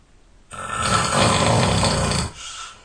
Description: My snoring is relentless ... nothing could stop me.